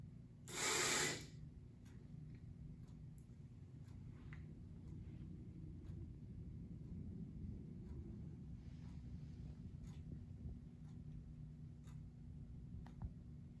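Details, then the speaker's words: Metered-dose inhaler demonstration: a brief hissing puff as the canister is pressed while inhaling, then quiet during the advised 10-second breath hold, with faint clicks. "in or inhale at the exact same time that you squeeze in whenever you do this it allows the medication to actually get into your lungs"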